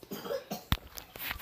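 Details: Child who just woke up with his usual morning cough gives a single short, sharp cough, faint in the background of a quiet room with a running fish tank; a cough.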